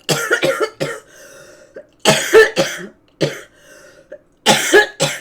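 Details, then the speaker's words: Persistent cough from a live-streamer who says it is about as bad as it has ever been: repeated harsh coughing in clusters, roughly ten bursts with short gaps and audible breaths between. "Your cough like is so is fine, and this is what it sounds like. This is about as bad as it's ever been, too."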